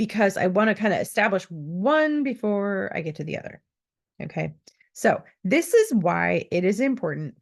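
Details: Adult woman speaking; typical speech.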